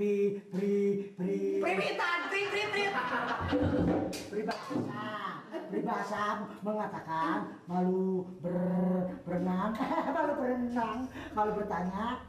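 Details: Acted comedy character portrayed as a stutterer reciting a proverb; sound, syllable and word repetitions; stuttering (acted).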